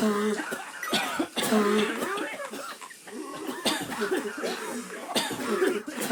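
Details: Rapid continuous run of coughs mixed with voiced sounds, acted by a person to simulate incessant coughing; repeated coughing.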